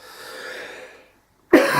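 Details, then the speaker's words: An adult on a coach holiday coughs once, abruptly and loudly, after a faint trailing voiced sound, amid snuffles the group blames on sea air: a chesty cough. "everyone on the bus must be allergic to zero we've all come down with chesty cough and the snuffles"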